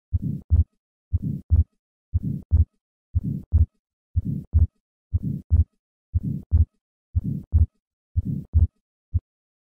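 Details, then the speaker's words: Simulated heartbeat, steady at about 60 a minute: atrial septal defect, with a fixed split second heart sound and a soft systolic flow murmur across the pulmonic valve, best heard at the second left intercostal space. "the murmur of atrial septal defect is a systolic flow murmur across the pulmonic valve coupled with a fixed split second heart sound"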